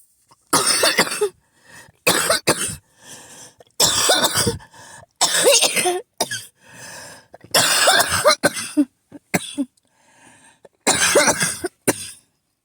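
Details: Person repeatedly woken at night by coughing, mentioning an asthma attack: repeated bouts of harsh, forceful coughing with brief wheezy in-breaths between clusters.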